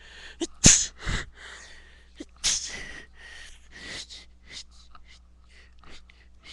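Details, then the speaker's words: Person sneezing after loose dog hair tickled the nose: two sharp, explosive sneezes a couple of seconds apart, each with a quick breath in before, then quieter sniffing. "Don't care. So it's making me sneeze."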